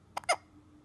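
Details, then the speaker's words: Infant boy, fussy earlier, now sitting quietly: a single sharp, brief voiced hiccup with faint room noise; infant hiccups. "Yeah. There was fussy earlier. Yeah. And then the hiccups came."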